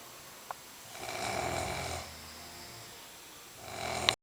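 Two slow, rough, fluttering breaths in a quiet room, each lasting about a second or more: snoring during sleep.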